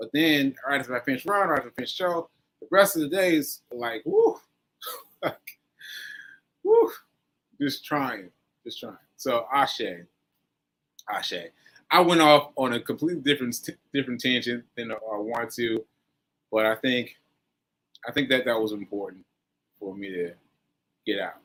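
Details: Adult man with aphasia following a stroke on 7/14/22, recorded 7/4/23 during his recovery, speaking English; aphasia.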